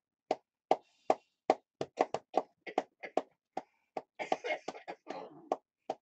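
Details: Rapid hollow thumps, about two to three a second, with some breath noise: hand percussion on the lower chest to loosen mucus in cystic fibrosis; the patient reports coughing up blood over the last two to three days.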